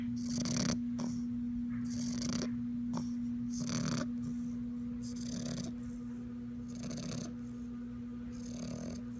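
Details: Sleeping bulldog puppy snoring: repeated rough, rattling snores over a steady background hum.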